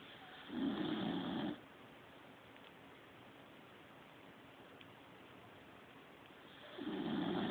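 Two loud, rough snoring breaths about six seconds apart, with quiet room noise between them.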